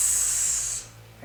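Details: Demonstration of a continuous S as a steady stream of air; normal sustained /s/ sound.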